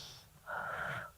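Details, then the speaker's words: Peak flow meter demonstration in inhalation therapy teaching: a quiet breath in, then one short, strong forced exhalation through the mouthpiece. "dengan kuat dihat nilai angkanya sampai mana Apakah kapasitasnya 400 ada angka 300 200 sama 100 lalu diulang diulang Sampai Tiga Kali"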